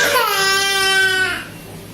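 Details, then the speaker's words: One loud, sustained cry from an infant girl fading out, during a mustard-oil massage; the baby has a cold. "मेरा बच्चा बहुत रो रहा है, तो मैं बहुत ज्यादा उसका मालिश नहीं कर पा रही हूँ, बस नॉर्मल ही मालिश कर"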